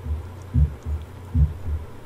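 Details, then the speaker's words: Normal heart sounds over the apex: two clear lub-dub sounds, about 70 a minute, with no extra sounds. Lub is the atrioventricular valves closing and dub is the semilunar valves closing. "hot sounds are made by the valves closing uh the Lu is the Atri ventricular valves closing the dub is a semi Luna valves closing so this illustrates some of those sounds this is a normal sound over the apex of the [Music]"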